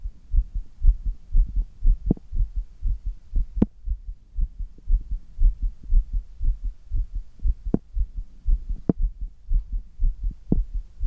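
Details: Strong, forceful heartbeat in quick regular rhythm with brief clicks, recorded in an adult man after doing handstand push-ups; strong heartbeat after exertion.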